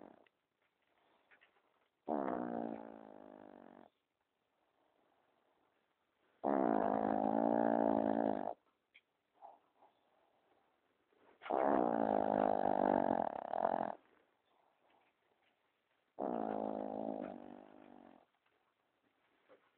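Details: Affenpinscher dog snoring at night, around 12:10: loud, drawn-out, tonal, groaning snores of about two seconds each, repeating every four to five seconds.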